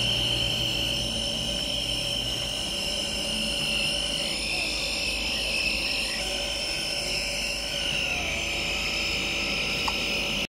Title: nebuliser ang baby